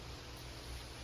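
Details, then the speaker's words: Steady soft hiss of oxygen flowing from an EMT oxygen tank regulator, flow rate set at 1 liter per minute; oxygen flow demonstration. "right now it's flowing at 1 liter per minute, and you can adjust up and down accordingly."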